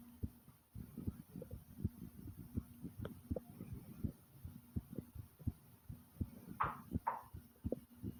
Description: my heart was beating loud and fast and then my stomach growled along with it like comment subscribe and enjoy ❤ #tummynoises #heartbeat #subscribe